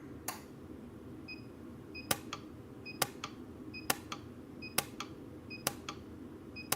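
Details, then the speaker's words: Orthodontic spot welder in a dental lab, welding the inside of a soldered C clasp on a retainer with labial acrylic, after changing the tip and raising the power: sharp snapping clicks, some in quick pairs, with short high beeps over a low hum. "So now we're gonna weld the inside of this. Hopefully, yeah, I better change my tip again. It messed up."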